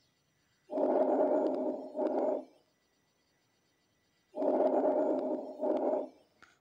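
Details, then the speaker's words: Lung auscultation teaching example: soft, rustling breath sounds like air through leaves, with a longer inspiration flowing directly without a gap into a short expiration: normal vesicular breath sound. "لو جينا دلوقتي نسمع اللي هو الكر بري ساوند تمام ادي ده هو الكر بري ساوند من غير جاب مافيش مسافه ما بين انسبيريشن وا اكسبيرشن"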